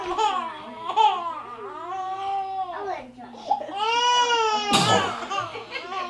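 High, wavering crying and fussing from a baby, with a sudden sneeze-like burst partway through; an ordinary infant cry.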